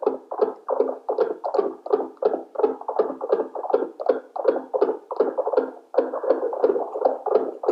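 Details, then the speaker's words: Simulated fetal heartbeat in a dummy test on a smartphone-based wireless NST/CTG monitor: tapping the FHR probe produces rapid whooshing pulses from the speaker, not a real pregnancy. "Now I take the FHR probe and I try to create a heartbeat sound. Now, like you see, I am trying to create a baby's heartbeat by tapping on the FHR probe."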